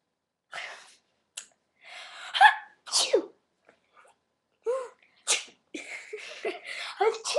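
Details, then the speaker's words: Deliberately faked 'achoo' sneezes from more than one person, one of them currently sick, acted on request rather than reflex sneezes, with laughter in a quiet room; simulated sneezing. "Achoo! So that's it, I guess. So that was us trying to sneeze."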